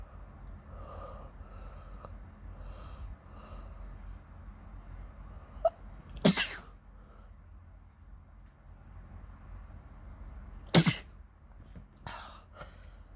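Two sharp, explosive sneezes a few seconds apart, then a smaller third burst, over quiet room noise; ordinary sneezing after waking.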